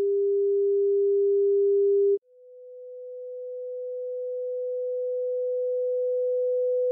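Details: Two steady pure sine tones, a mid-low hum then a slightly higher one, from a 200–14000 Hz tinnitus frequency-matching test; tinnitus pitch-matching tones.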